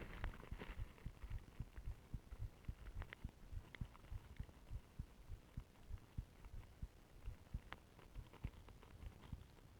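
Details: Self-recorded heartbeat through a stethoscope with ECG during deliberate breath-holding (plastic bag and pillow): rapid, regular low thumps with faint room noise, early tachycardia before slowing to under 50 bpm. Tachycardia during breath-holding.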